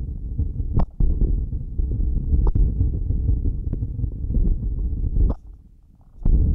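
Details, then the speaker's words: First self-recording with a stethoscope on her own abdomen after fasting over 15 hours: continuous low rumbling and gurgling with a few sharp contact clicks; bowel sounds of a hungry stomach. ""Then, let's listen to the sound of this patient's stomach ♪"."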